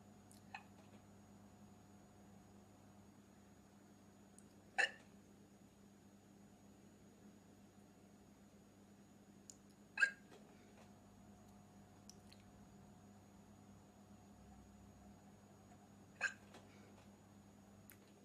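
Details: Hiccups from a girl: quiet, sharp hiccups roughly every five to six seconds, with softer catches between, over steady low room hum.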